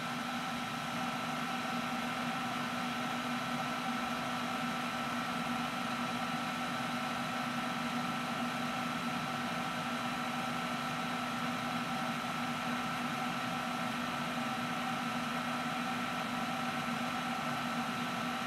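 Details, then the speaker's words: OSM100100 freezing point osmometer running calibration with a 500 osmolality standard, cooling the sample to its freezing point: constant mechanical hum with a steady tone. "click Start to start the calibration this will quickly get down to freezing point and then we'll let us know once the calibration is"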